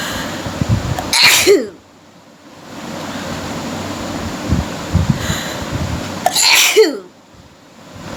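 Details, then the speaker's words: Deliberately provoked repeated sneezing during a sneezing challenge, induced with a stick: two sharp, forceful sneezes, each preceded by a quick inhalation, over steady background hiss. "আজকে হবে sneezing challenge, unlimited sneezing challenge আর কি।"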